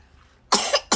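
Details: Young child, early April, ill with fever at night, two tongue ulcers, then cough and poor appetite for several days: two abrupt, harsh cough bursts after a quiet start.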